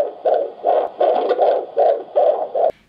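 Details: Regular rhythmic whooshing pulses, roughly 140 a minute, of a fetal heartbeat picked up by a Doppler monitor; the mother says she is 25 weeks pregnant.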